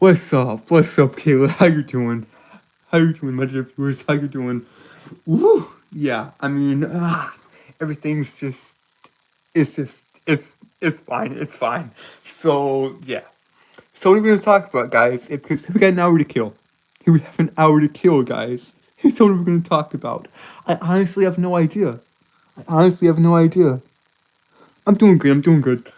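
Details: Stuttering in a male streamer who says he has a speech impediment causing him to stutter, trip over and repeat words; this stretch has repeated words and phrases.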